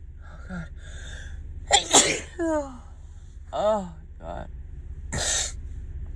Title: 9-14 March sneezes (f, cold/allergies)